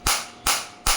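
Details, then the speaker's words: Biotronix focused shockwave therapy device demonstrated on the operator's uninjured body at intensity 9–10, rate auto-adjusted to 150; sharp, loud cracking pulses about every 0.4 seconds, felt penetrating deep, 197 shots delivered. "और बिल्कुल अंदर तक मेरे को penetration हो रही है, मेरे को फील हो रहा है।"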